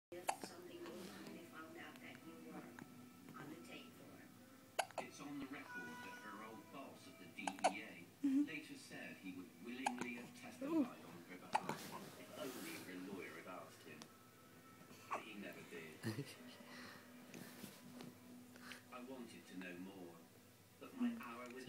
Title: Baby hiccups